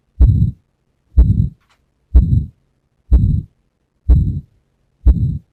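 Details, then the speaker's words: Sample PACES cardiology exam of a patient with severe aortic stenosis. Stethoscope bell at the apex, patient turned onto the left side and holding breath after expiration: steady heartbeats about 62/min, no mid-diastolic rumble, so no mitral stenosis. "So you found the maneuver that you have done. That does mean that the diagnosis, the mid-diastolic murmur is not there, so the no mitral stenosis."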